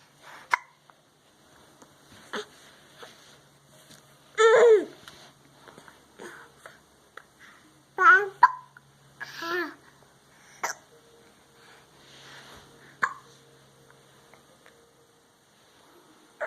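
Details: A young child with hiccups: repeated short, abrupt voiced catches at irregular intervals between soft babbling and breathing.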